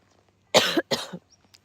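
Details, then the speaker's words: An adult coughs twice, in sharp, noisy bursts in quick succession, outdoors in a quiet field while walking with horses, and apologizes for a little cough; an ordinary acute cough. "Sorry, I've got a little bit of a cough there."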